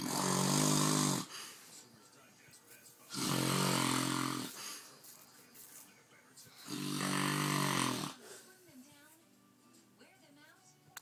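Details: Snoring during a five-minute power nap: three long, loud, rattling breaths about every three seconds, with quiet between, roughly 20 breaths a minute.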